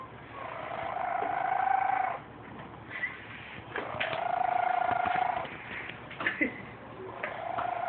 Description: The cat of my house snoring